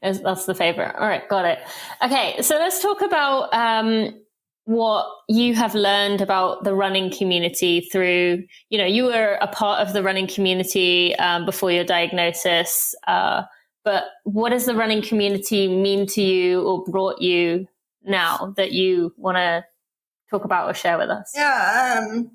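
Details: Adult woman speaking; normal speech.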